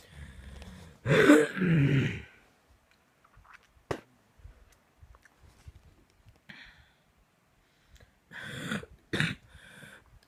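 Harsh, rough coughs and throat-clearing bursts, with quiet pauses between, in a small quiet room; a coughing spell.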